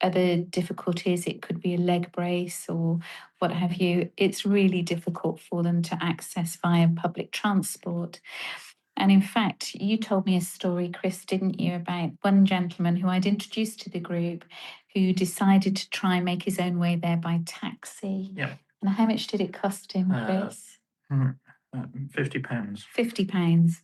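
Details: Adult woman speaking, brief replies from a second speaker; ordinary speech.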